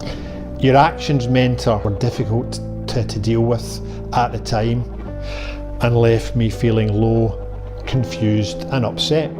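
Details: Stuttering in a man who has worked on his speech for over 20 years and uses deliberate disfluency.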